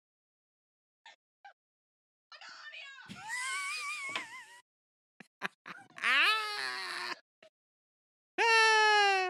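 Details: Young woman with severe Tourette syndrome who has uncontrollable verbal tics, shouting while learning to ride a bike; vocal tics (Tourette syndrome).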